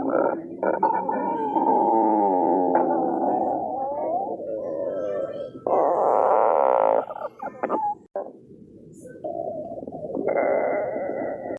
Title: stomach growling 9